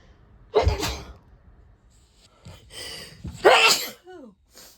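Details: Natural, unprovoked sneezes from a person who describes their sneeze as aggressive: two sharp, explosive bursts a few seconds apart, each preceded by a quick intake; two sneezes.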